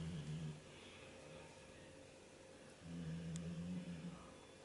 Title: Baby Bernese snores